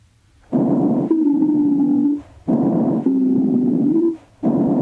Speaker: wheezes are relatively high pitched and have a hissing or shrill quality and often suggest asthma